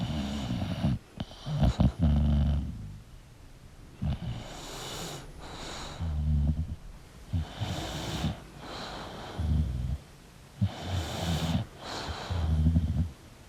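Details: Sleeping English Bulldog: loud, rattling snores with snorting breaths about every two seconds; snoring.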